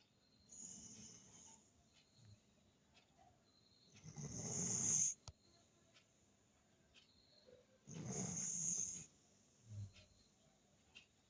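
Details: Sleeping mother dog of puppies in deep sleep, two loud rough snores about three seconds apart with softer breathing between; snoring.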